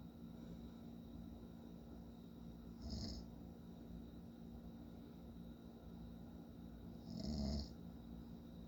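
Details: Two low, rattling snores about four seconds apart over steady background hum, from a sleeping adult man; snoring.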